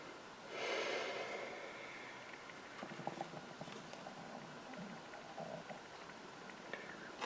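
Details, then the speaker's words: Stomach rumbling (borborygmi) in an adult who says she has already eaten: a brief rushing sound, then soft, irregular low gurgles and bubbling over quiet room noise. "if you can hear my tummy it's rumbling away I don't know why it's rumbling I've eaten just decided it wants to make growling noises at me"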